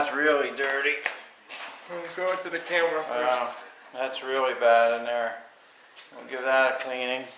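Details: Adult male speaker; typical adult speech.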